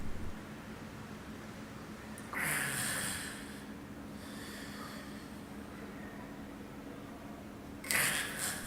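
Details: Agonal breathing (gasping), a sign of cardiac arrest in the context of CPR: two loud, snorting gasps several seconds apart with quiet in between.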